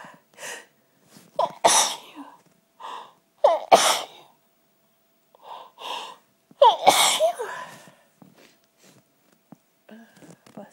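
Three loud sneezes, each with a sharp intake of breath before it, with brief sniffs and quiet sounds between them; an ordinary sneezing fit.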